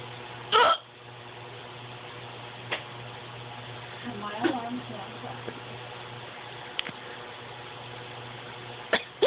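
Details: Person with hiccups lasting about 10 minutes, or maybe five: sharp, sudden gulping catches, about five in nine seconds, over steady room noise.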